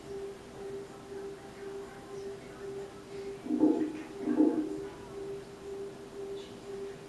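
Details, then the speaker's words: Open MRI scanner during scan preparation: a steady low hum with two brief louder pulsing bursts, short radio-energy bursts building a map to set up the scanning protocol before imaging. "like whale noise you know what it's doing at the moment it's just sending out short little bursts of radio energy to be able to build up the map that we use then to set up the proper scanning protocol so you can make lots of these sorts of pops and bangs whilst it's getting yourself ready"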